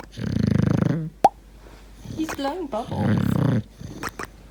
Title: Bulldog's snoring is hilarious